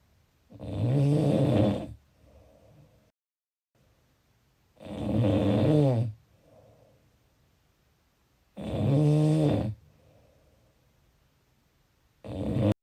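Loud, rattling snores on each breath in, about 16 a minute, with a softer breath out between them.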